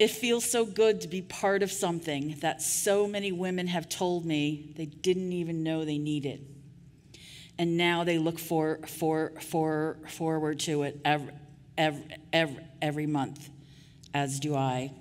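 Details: Adult woman with real stuttering speaking at a 2023 stuttering association conference keynote; part-word and word repetitions audible; stuttering.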